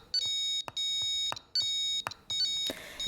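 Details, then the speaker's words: Repeating high-pitched multi-tone beeps in quick bursts: pulse oximeter low SpO2 desaturation alarm, triggered by setting the low threshold above the measured value during a preventive maintenance check. "et on vérifie le déclenchement de la larme de désaturation attention on n'oublie pas de remettre le seuil d'alarme tel qu'il était à l'origine"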